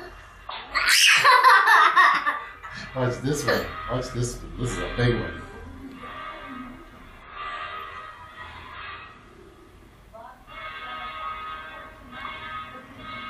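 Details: One loud, explosive sneeze followed by laughter and talk in a small room, while a child watches a video of himself taken at 3 months old; sneezing.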